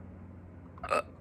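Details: Hiccups, the first in a long time, recorded in a hurry: a single short, abrupt throat sound with a brief voiced catch, one hiccup.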